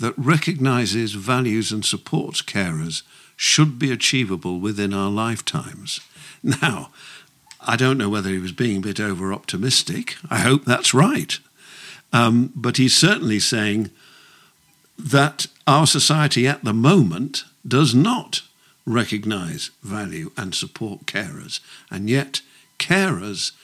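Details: Adult man; typical speech.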